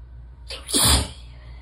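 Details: Relaxed sneezing fit while warm and sleepy in a bathtub: a single loud, open, uncovered sneeze with a hissing intake and forceful burst.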